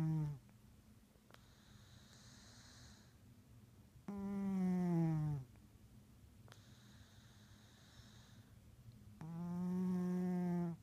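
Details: Orange tabby cat snoring in sleep: loud, buzzing, droning snores about every five seconds, roughly 12 breaths a minute, with quiet pauses between; snoring.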